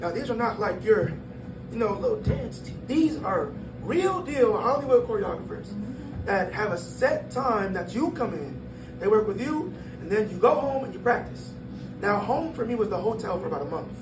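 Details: 22-year-old man born prematurely at about one pound, vocal cords still developing as he grew and still not closing all the way; breathy voice from incomplete vocal fold closure.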